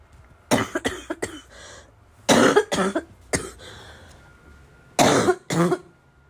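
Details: Heavy, harsh barking cough in a smoker who vapes, unsure whether from the vape or getting sick: three loud bursts of two to four coughs, with throat clearing and snorting.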